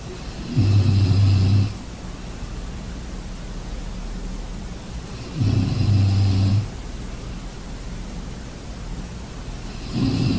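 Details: Low, buzzing snores roughly every five seconds, about 13 breaths a minute, with quiet breathing between over steady background noise; ordinary snoring.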